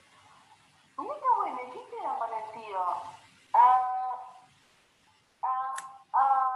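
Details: Child with developmental stuttering (dysfemia) using much force on each disfluency; clip cut from a longer sample; developmental stuttering with effortful disfluencies.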